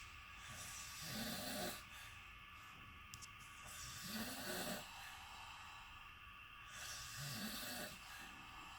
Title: This is why you book AIRBNB AND NOT A HOTEL ROOM !!!! SYMPHONY ORCHESTRA snoring